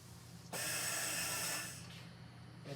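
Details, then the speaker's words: Mallard 2800 anesthesia ventilator set to a 1-second inspiratory time: a steady mechanical hum, then a loud one-second hiss as the bellows push down, delivering about 8 liters, then a softer exhaust. "so when I turn this on you're going to see the Bellows push down for exactly one second"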